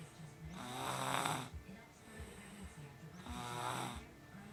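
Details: Very tired young girl snoring in sleep: two long rasping in-breaths with quieter out-breaths between them; steady snoring.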